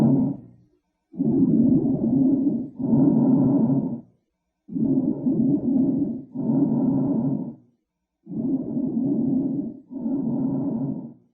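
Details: Smoker's lungs on auscultation: coarse, low-pitched rumbling and musical tones through each breath, rhonchi and wheezing.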